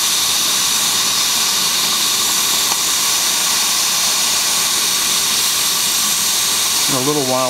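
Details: Steady loud hiss of a Biolase Waterlase MD dental laser's air-water spray during a maxillary frenectomy under minimal Septacaine local anesthesia, on S mode at 1.25 W (also stated as 1.75 W, 30 Hz) with 7% water and 11% air.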